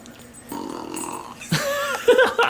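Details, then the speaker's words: Dog burping after finishing eating, a drawn-out croaking belch after a quiet stretch; burping. "bud that's my boy he doesn't even realize what he's doing M yummy there's the burp dog"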